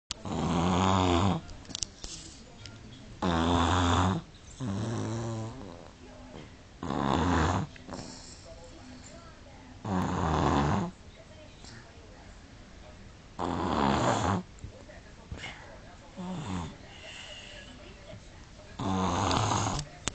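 Loud, rough snoring on repeated inward breaths, about 18 a minute, with quiet gaps between; a sleeping toddler snoring.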